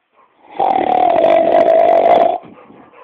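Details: Snoring: one loud, buzzy, vibrating noise lasting nearly two seconds.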